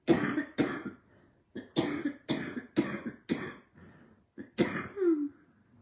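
A run of about eight harsh coughs in quick bursts with brief pauses; repeated coughing in an adult with asthma during a respiratory illness.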